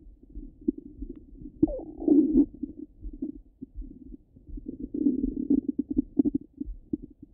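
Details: Stomach rumbling from a half-hour recording: continuous low gurgling and bubbling with frequent clicks and rumbles, active bowel sounds.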